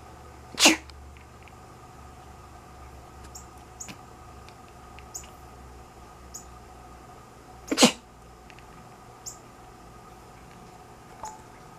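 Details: Two sharp, explosive sneezes about seven seconds apart from the owner, with faint small squeaks between them from a sleeping cat that quacks in response.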